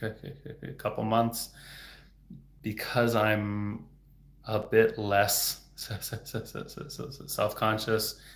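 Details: Stuttering in an adult man speaking in a livestream; he reports getting stuck on words.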